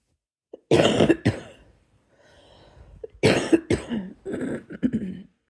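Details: Two brief bouts of harsh, moderately wet-sounding coughs from an adult at bedtime, separated by a quiet breath: cough.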